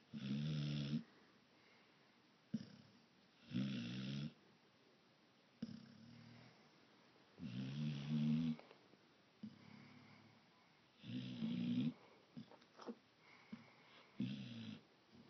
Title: Sleeping dog snoring loud